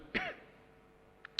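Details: One brief, sharp throat-clearing cough by a speaker reading a budget statement aloud at a city council plenary session, followed by faint clicks in a quiet room.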